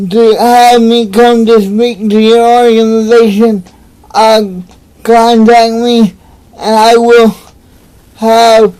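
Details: Adult man with cerebral palsy, real patient; dysarthria (cerebral palsy).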